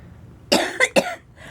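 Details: Three quick coughs in a burst from a person with cystic fibrosis.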